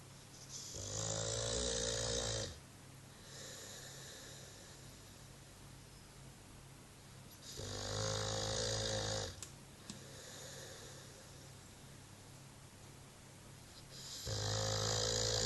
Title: Snoring american bulldog Jackson